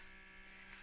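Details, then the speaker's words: Steady motor hum and buzz of a small USB-charged portable breast pump running continuously in a quiet room; the mother says it is barely working for her. "it works a little bit but yeah it's not really it's not really doing anything for me and yeah it's just not doing it and it still makes that lovely yeah draw draw so"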